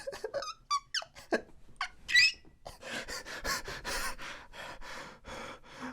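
Squeaky hiccup gasps and catching breaths, followed by strained, noisy breathing in a small room.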